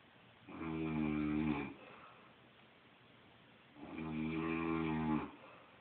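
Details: Two long, buzzing snores about three seconds apart with quiet pauses between them, near 20 breaths a minute, from a sleeping grandmother, apparently a smoker; ordinary snoring.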